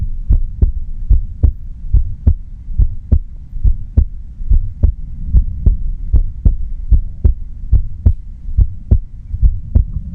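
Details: Quiet heartbeat recording with no talking: steady, regular low thumps at about 72 beats a minute over a constant low hum; heartbeat.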